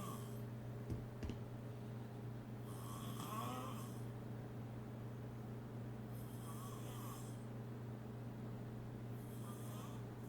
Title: Loudest Snore Ever